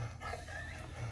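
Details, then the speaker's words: 14-year-old female Labrador with labored breathing, most likely from laryngeal paralysis, makes a harsh, rasping, low roar on each breath, as if something were stuck in her airway: inspiratory stridor. "you can hear her breathing her breathing is it sounds like she's got something stuck in her airway"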